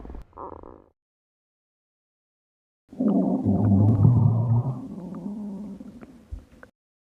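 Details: Woman's stomach growling: a low, long, rumbling gurgle lasting a few seconds after a short sound; ordinary borborygmi.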